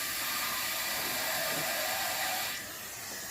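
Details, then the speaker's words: Steady hissing air blast easing off near the end: a dental air syringe drying the tooth preparation before slow-speed handpiece use in a composite restoration. "Now, I want you to burst some air to dry my prep for my slow speed."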